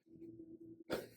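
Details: Snoring.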